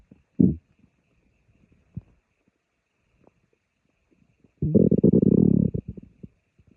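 Low gurgling rumbles from an adult's stomach, with a long bubbling growl near the end: ordinary borborygmi.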